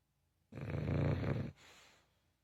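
One loud, deep, rattling snore on the in-breath, then a softer out-breath: a sleeping dog snoring.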